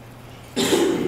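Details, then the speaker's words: Single abrupt throat-clearing cough breaking a quiet pause, during a Tourette syndrome awareness talk by a 10th-grade student; simple vocal tic. "simple ticks are things like whistling coughing making noises things that aren't really that aren't really that much of a problem but are just uncomfortable"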